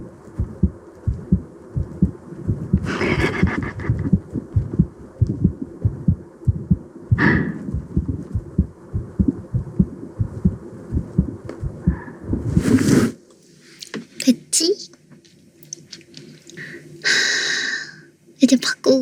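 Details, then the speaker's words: Heartbeat: regular, somewhat quick thumps heard close up with rustling and handling noises; listener remarks it seems to be beating a bit fast, ASMR recording. "전에 심량이 어떻게 뛰는지 한번 들어볼게. 응. 지금도 좀 빨리 뛰는 거 같은데."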